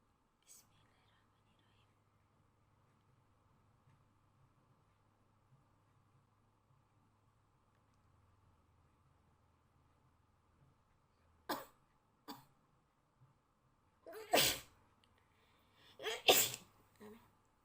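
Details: Person undergoing a COVID-19 nasal swab test, quiet room then short sharp bursts ending in two loud explosive sneezes set off by the swab; swab-induced sneezing.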